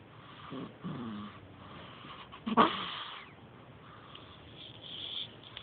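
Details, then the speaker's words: Snoring in a very young animal two days short of one month old: soft, squeaky breathing sounds with a louder snort in the middle over background hiss; owner feels it isn't healthy for her to snore so early. "ain't healthy for her to be snoring so early."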